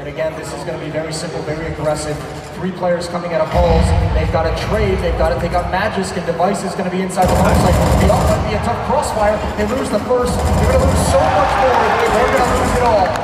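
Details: Adult male commentator; Normal voice.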